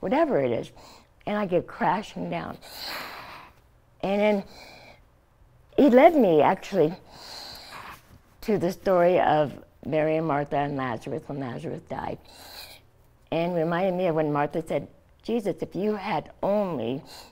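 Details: Adult woman, stage 4 epiglottis cancer (2009) treated with surgery, chemotherapy and radiation; tracheostomy after scar-tissue airway closure, thumb-occluded stoma; partial glossectomy for tongue cancer; no teeth or saliva glands; post-glossectomy articulation changes with tracheostomy speech.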